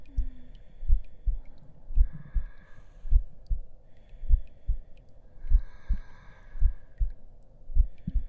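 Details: Simulated slow heartbeat sound effect in an ASMR roleplay with the listener lying down to rest: soft, regular, low thumps in pairs, about 52 a minute, with faint rustling.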